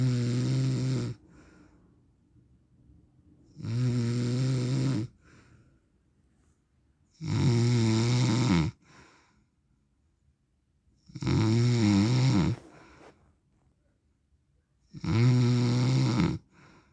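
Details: Loud, regular rattling snores on each in-breath, about 16 a minute, with quiet pauses between; ordinary sleep snoring in an adult man (described as dad/husband), real recording.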